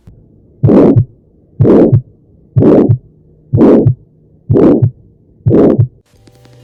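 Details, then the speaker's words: Auscultation at the aortic focus: regular heartbeat near 62 a minute with harsh mid-systolic crescendo-decrescendo murmur of aortic stenosis. "O sopro da estenose aórtica é um sopro mesossistólico ou seja ele a manta um sogro de começa a menos intenso faz um pico de intensidade E ali no meio das Estrelas diminuir sua intensidade E no foco aórtico né"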